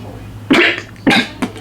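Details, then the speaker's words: Fake coughs staged as a coughing-up-blood prank on a girlfriend: three short harsh coughs in a small room. "today we're going to be coughing out blood you feel me"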